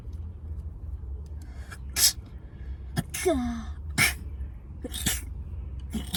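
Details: Deliberately captured, relatively unusual human sneeze: a string of sharp, explosive sneezes with gasping intakes and a voiced squeak between them in a small room, followed by a runny nose.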